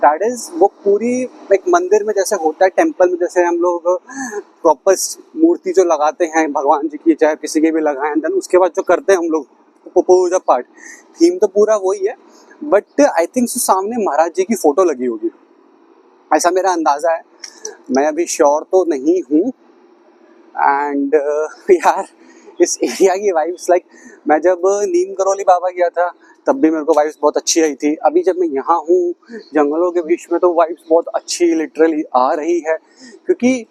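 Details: Self-described stammering adult male speaking Hindi, with word repetitions; stuttering.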